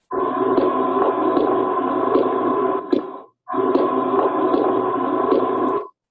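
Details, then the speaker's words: Heart sounds of a person who has had a heart valve replaced: prosthetic heart valve sounds. "Look, this person has a prosthetic valve. So, they have a new they've had a valve replaced."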